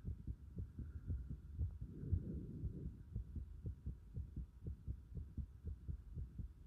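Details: Heart sounds recorded with pulsation at the pit of the stomach (epigastrium): soft, regular low thumps of a heartbeat, with a brief rushing noise partway through.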